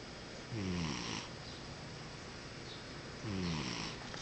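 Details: Cat snoring while half asleep: two slow, low rattling snores about three seconds apart over steady room noise.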